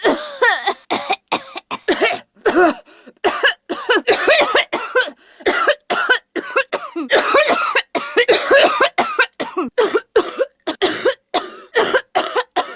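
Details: Adult woman coughing and screaming, acted performance: repeated harsh coughs in close succession, roughly two dozen bursts with brief gaps, with shouted cries.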